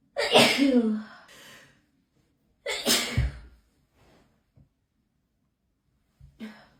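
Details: Hay fever sneezing attack, pollen-related, edited loop: two loud sneezes a few seconds apart, each with a sharp in-breath and explosive burst, then a faint third; repeated sneezing.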